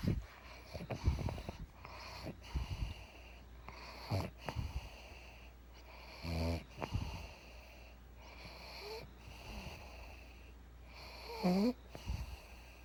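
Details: Pug dog snoring while asleep: about five rhythmic snorting, wheezy snores with soft snuffles between breaths.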